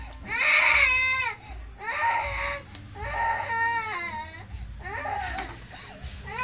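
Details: Infant crying: four loud wailing bursts with rising and falling pitch and short pauses for breath, in a small room.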